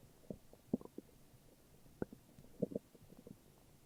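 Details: Morning stomach growls: quiet, irregular gurgling and bubbling sounds from the belly; ordinary borborygmi.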